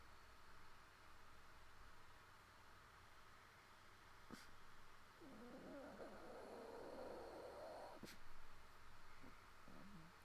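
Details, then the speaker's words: Drowsy puppy after surgery making low drawn-out whining groans from the throat, attributed to irritation from the breathing (intubation) tube. "hear the weird noises she's making with her throat yeah that's from the uh the air tube poor little pigs I feel so bad for her guys"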